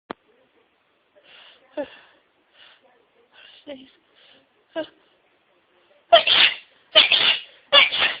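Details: Sneezing fit deliberately induced with white pepper: a run of small sharp sneezes and snorts ending in three louder bursts close together, rapid repeated sneezing.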